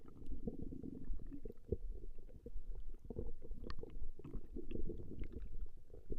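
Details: Woman's stomach growling recorded over a long session: continuous low, bubbling rumbles and gurgles from the belly; ordinary borborygmi, a normal digestive sound.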